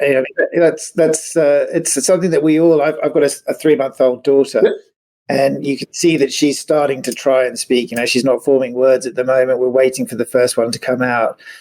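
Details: Adult man speaking; typical adult speech.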